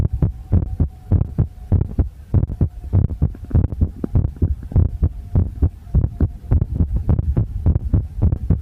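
Rapid, deep thumping heartbeat at about 100 beats a minute, with a steady hum and muffled, noisy sound.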